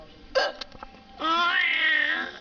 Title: Mommy's hiccups are funny!